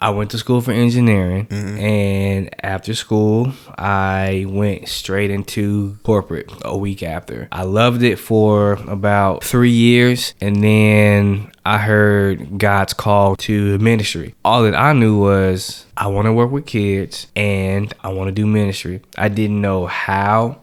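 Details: Adult man who has stuttered since age 5, speaking on a podcast; stuttering.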